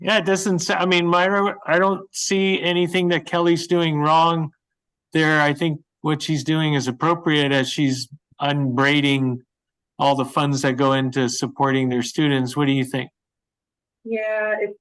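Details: Adult speaker; normal speech.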